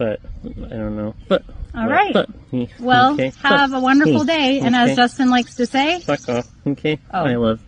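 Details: Woman with Tourette syndrome, with a repeated word appearing to be a vocal tic; vocal tics (Tourette syndrome).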